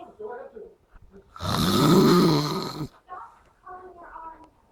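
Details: A person snores after a night out: one loud, harsh, rattling snore lasting about a second and a half, with soft voices or murmurs before and after.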